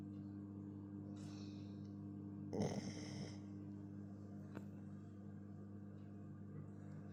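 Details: Beagle dog sleeping, giving a soft breath then one loud, rough snorting snore against a low electrical hum; snoring.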